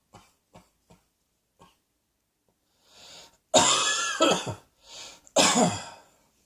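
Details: A few soft throat clicks, then two strong harsh coughs with a rasping, slightly wheezy edge and a breath drawn between them.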